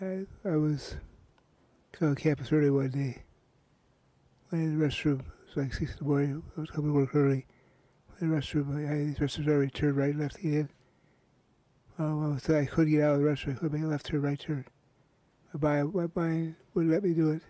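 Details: Man with Parkinson's disease, recorded after taking medication: hypokinetic dysarthria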